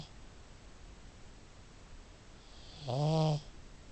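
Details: A pet pug that snores really loud gives one loud, buzzy snore lasting about half a second after quiet breathing; snoring in a flat-faced dog.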